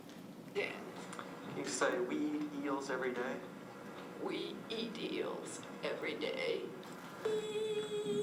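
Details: Sample of adductor spasmodic dysphonia, possibly a patient recording or possibly acted by the clinician, who says he will be acting some samples; adductor spasmodic dysphonia.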